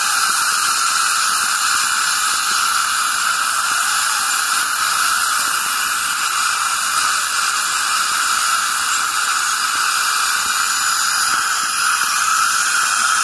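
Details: Steady high hiss and whine of an ultrasonic scaler with water spray and suction during routine removal of plaque and tartar (calculus) from the teeth; ultrasonic dental scaling, ASMR recording.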